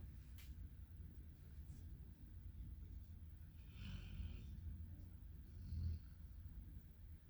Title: Snoring chocolate lab